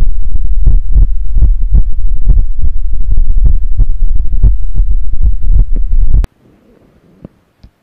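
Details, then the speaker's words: Normal heart sounds of the speaker's own heart via a digital stethoscope connected to a laptop: loud, steady lub-dub heartbeat, then quiet; presented for comparison with a hypertensive, diabetic heart patient's sounds. "मैं अभी जो अपने आवाज सुनी यह है 9 मठ solve वह जब स्थिति बहुत ही एक नार्मल नोट सॉन्ग ने इस नोबल थॉट्स एंड है"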